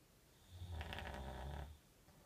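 A single low, rumbling snore lasting about a second, with a rattling buzz on the breath, in a quiet room.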